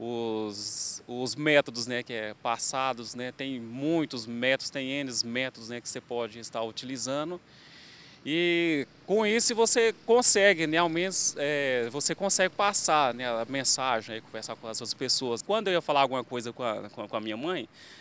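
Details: Adult undergoing speech therapy for stuttering; stuttering.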